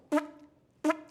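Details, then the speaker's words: Adult male with Tourette syndrome and ADHD, demonstrating a vocal tic: two abrupt, loud, horn-like tonal vocal sounds, each briefly sustained, a simple vocal tic. "That one is hilarious. Like, do you know how many times I've been at a cafe and I'm ordering a coffee and I go, and there's a line behind me, and like when you hear that sound, you don't instantly think, oh, that obviously came from his mouth."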